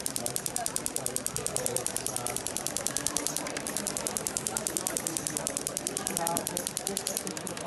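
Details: Radial shockwave therapy (Storz SPINE-ACTOR/PERI-ACTOR applicators) on an Olympic athlete with no injury but a tight thoracic spine and reduced right shoulder motion: rapid steady mechanical tapping about ten pulses a second, at lower frequency and energy 1.3, applied across the muscle fibres.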